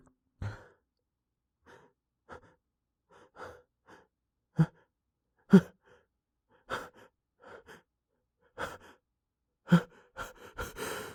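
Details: Person trying and failing to hold back loud sneezes: irregular sharp inhalations and stifled bursts build up, ending in a fuller explosive sneeze; repeated held-back sneezes.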